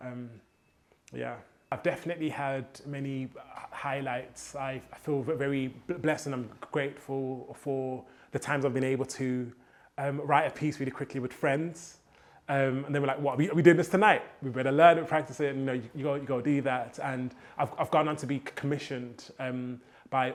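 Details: Stuttering (stammer) in a male poet, present since childhood; he says rhythm and melody help his fluency.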